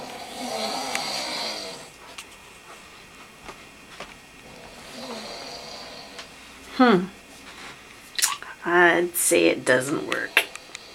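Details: A man snoring after deeply sniffing an anti-snoring remedy at bedtime; irregular, rattling snores and snorting breaths in a small room.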